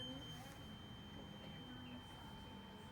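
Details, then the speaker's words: Tuning fork struck for Weber hearing test (cranial nerve 8) during a nursing health assessment, patient asked if heard evenly in both ears: faint steady pure ringing tone over quiet room noise. "So I'm gonna do another test. It's called the Weber test, and just let me know if you can hear this evenly in both ears."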